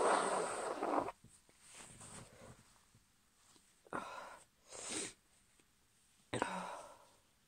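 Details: A female with a cold gives a forceful sneeze, then a few quieter breaths and two more sneeze bursts; sneezing.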